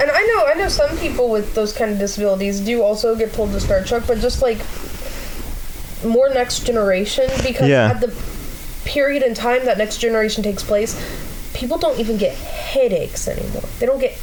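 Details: Adult speaker; typical speech.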